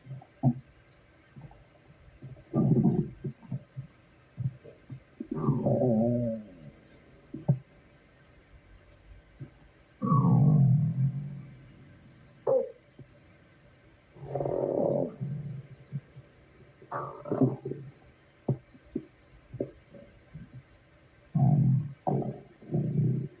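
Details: Stomach growling at work: repeated low gurgling and rumbling bursts with brief clicks from gas and fluid moving; borborygmi.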